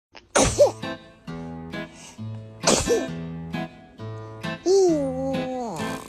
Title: Sneezing baby